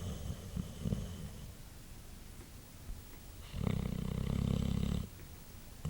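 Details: White boxer dog asleep after a long day: a low, rumbling snore on an in-breath after a quieter stretch of breathing; ordinary dog snoring.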